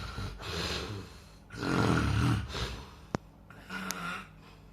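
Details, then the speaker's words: Snoring from a sleeping person: loud, rough, low-pitched rattling with each breath, heaviest on the middle breath, with softer breathing between bursts in a quiet room. "هذا بس صوت الشغير هيك شكله شلون شكل اللي يشخر"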